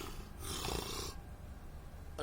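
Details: Snoring: one short, rough, fluttering breath noise over a low background hum, consistent with a snore.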